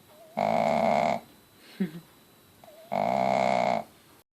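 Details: Contented Shih Tzu mother dog, five days after giving birth to four Mal-Shi puppies, snoring: two long, droning, buzzy snores a few seconds apart with quiet breathing between.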